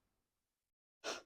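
A single short, forceful sneeze bursts out after quiet in a small indoor room.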